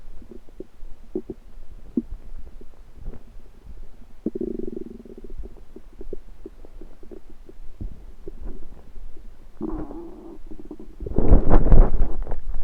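Irregular low gurgles and rumbles from the belly, ending in a louder rolling rumble: ordinary stomach noises.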